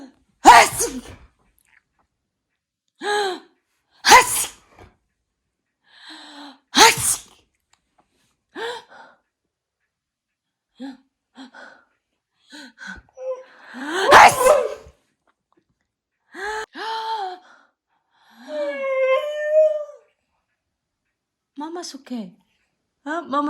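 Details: Adult deliberately fake-sneezing, imitating allergy sneezes, in front of pet Husky: series of loud, sharp sneeze sounds with the dog's high whining between them in a quiet room; sneezing (imitated).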